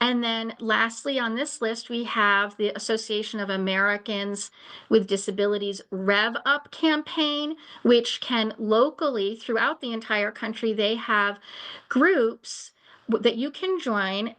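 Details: Adult woman speaking; ordinary speech.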